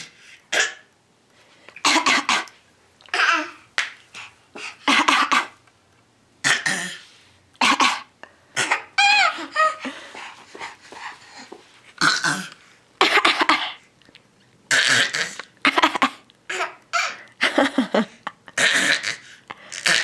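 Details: Young child coughing on purpose: a run of short, forced coughs with a brief giggle partway through; voluntary fake cough.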